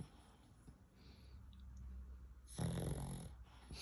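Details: Nearly 12-year-old deaf Cavalier dog sleeping deeply: low rumbling breath sounds with one louder rough snore; snoring.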